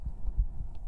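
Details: Adult woman's heartbeat picked up by a microphone held against her chest during an ASMR stream: soft, deep thumps, possibly slightly fast. Heartbeat.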